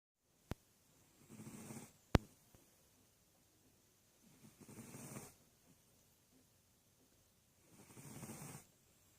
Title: Karl my sphynx cat snoring